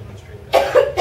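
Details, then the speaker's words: Single short cough, possibly two quick pushes, from a person during a Draeger ventilator demonstration, over quiet room noise: cough. "So ideally what you should do is, I'm trying to not cough at you."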